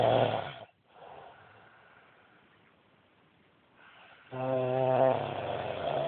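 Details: Adult man snoring badly: loud rattling snores on breathing in, with a quiet pause between them; heavy snoring.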